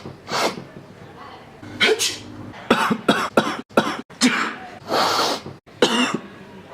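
A run of about nine harsh, explosive coughs in quick bursts, with brief gasps between them: a plain coughing fit.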